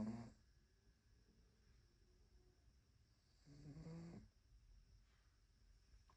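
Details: Sleeping cat: two soft, low, rattling snores about three and a half seconds apart over quiet room noise, ordinary snoring.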